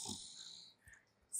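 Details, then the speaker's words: Adult with about one month of on-off sleep disturbance, sleeping during Ayurvedic shirodhara insomnia treatment: a brief low snorting snore, partly masked by the steady hiss of running fluid. "గట్టిగా మాట్లాడుతున్నా నమ్ము అయినా కూడా గురకలు వస్తా ఉన్నాయి just ఆ sounds మీరు just వినండి."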